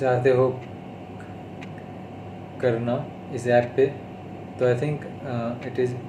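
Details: Adult male who stammers, on day 32 of speech therapy, speaking Hindi; stuttering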